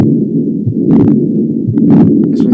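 A loud, unbroken rumbling whoosh fills both heart phases with faint talk over it, a continuous machinery murmur of patent ductus arteriosus.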